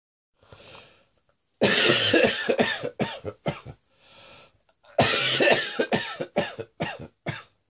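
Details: Chesty, productive coughing fit following a chest infection: two harsh fits of several loose, chesty coughs each.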